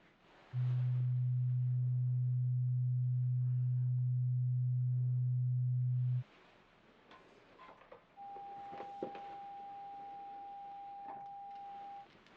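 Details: Simulated pure tone audiometry in an ASMR hearing-test role-play, tones through headphones to both ears while the listener raises a hand on the side heard: a steady low pure tone for about six seconds, then a higher steady tone for about four seconds.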